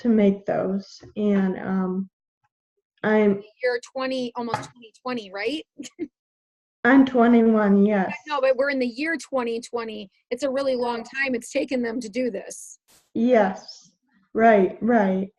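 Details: Adult woman speaking, conversational; typical speech.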